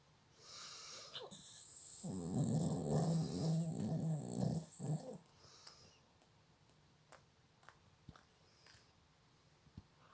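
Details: A sleeping, dreaming pet dog gives one drawn-out, rumbling snore, then breathes quietly with a few small clicks; harmless snoring.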